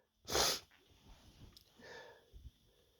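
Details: Man sneezing: one sharp, explosive sneeze followed by quieter breaths and a short sniff; he reports a tickly feeling and more sneezes coming.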